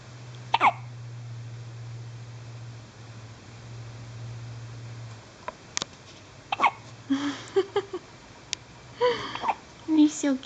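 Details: One-day-old newborn baby girl with hiccups: several brief, sharp hiccup sounds with small vocal catches between them, over low background hum and faint room noise.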